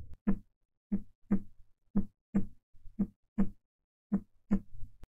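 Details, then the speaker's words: Auscultation of a patient with shortness of breath in a heart failure case: steady paired lub-dub beats at about 58 a minute, normal first and second heart sounds (S1, S2). "al auscultar su corazón se pudo apreciar s1 y s2 que vienen siendo los sonidos normales del corazón"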